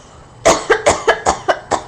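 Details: A mother makes about seven short, dry coughs in a quick, even run on purpose to amuse her baby, who laughs at the coughing: voluntary cough.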